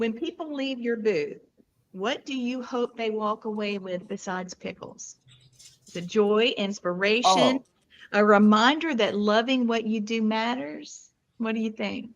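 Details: Adult woman speaking; Normal fluent speech.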